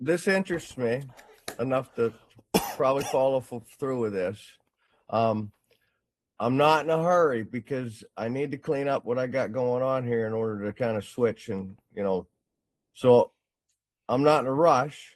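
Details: Adult man; Normal speech.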